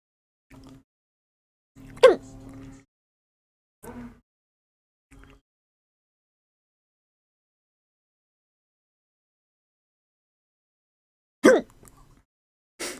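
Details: Several short, sharp hic sounds separated by quiet pauses, recorded before a breath-holding technique to stop them; hiccups.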